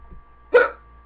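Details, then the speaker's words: Single abrupt voiced hiccup in a quiet room, followed by silence, from a person with an ongoing, annoying bout of hiccups. "Gosh, these things are so annoying."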